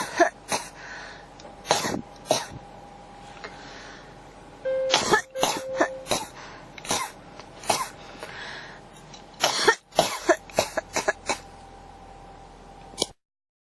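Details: Cough that won't stop: over twenty short coughs and throat clearing in irregular bursts within about thirteen seconds, faint background tone; persistent cough.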